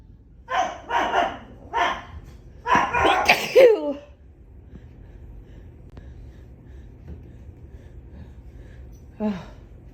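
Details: Compilation of sneezes from a sick person who tested negative for COVID: several short, explosive sneeze bursts in quick succession, then quiet and one more burst near the end.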